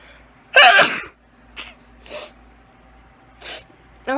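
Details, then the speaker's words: Repeated sneezing, several in a row and unable to stop: one loud explosive sneeze followed by softer sneezes and breaths. "see what I mean I just can't stop sneezing but yeah that's what's happening"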